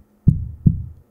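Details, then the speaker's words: Two deep, regular heartbeat thumps about a second apart, a slightly slow but normal rhythm near 60 per minute; normal heartbeat. "This is the sound of a heart beating. Little bit slow… It beats once every second."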